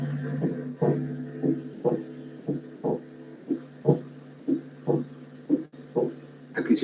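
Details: Physiology teaching example: paired heart sounds at about 60 a minute over a steady background hum; the second heart sound splits with inspiration, physiological split second heart sound.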